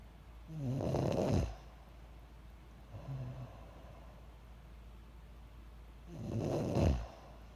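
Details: Self-recorded snoring, labelled "30 weeks": rough, vibrating inhaled snores, two loud and one soft, a few seconds apart, in a sleeping adult; snoring.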